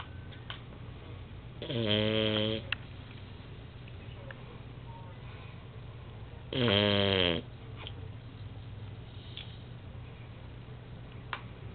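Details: A dog snoring in its sleep: two loud, buzzing snores with a fluttering, rattly quality, about five seconds apart, over a steady low hum; typical sleep snoring.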